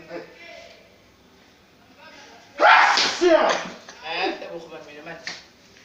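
An adult acts out sneezes: a loud, sharp voiced burst, then a second one, and softer sneeze-like sounds after. Imitated sneezing.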